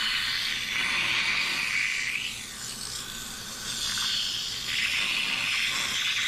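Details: Steady loud hissing, slurping airflow of dental high-volume evacuation suction through an M7 HVE suction mirror with a 360° swivel, running continuously with slight changes as it is moved during a demonstration.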